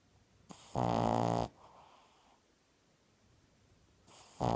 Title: Snoring 2... 2/28/15